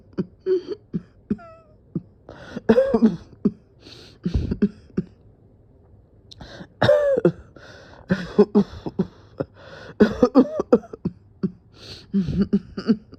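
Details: Repeated harsh coughing bouts with throat clearing and strained breaths in a small room, a persistent coughing fit; the person felt dizzy and thought they would pass out.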